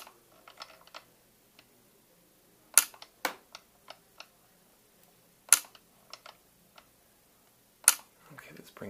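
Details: YAG laser vitreolysis of a bothersome eye floater in a female patient looking down and slightly up-left; sharp, isolated clicks a few seconds apart with softer ticks between, in a quiet room, as single laser pulses fire.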